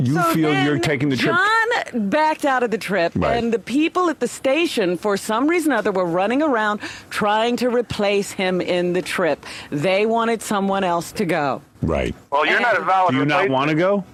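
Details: Adult speakers in radio talk conversation; ordinary conversational speech.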